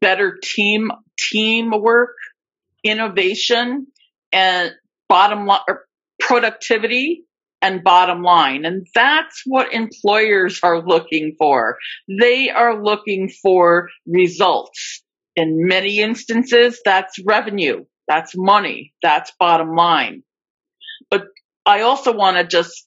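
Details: Adult woman with stuttering, a covert stutterer for more than 30-35 years; speech shows repetitions of words and parts of words; stuttering.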